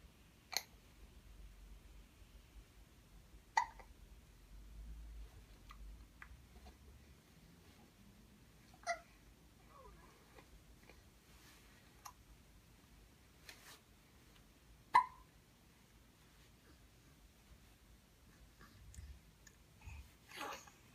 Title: 1 month 19 days - cute hiccups while we are watching an elephant